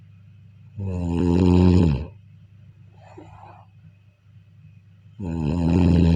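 Loud, deep, rattling snores on each breath in, with a soft breath out between; typical snoring.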